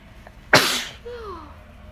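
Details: Sneeze deliberately induced with a new method: a single loud, explosive, wet-sounding sneeze followed by a brief falling vocal sound.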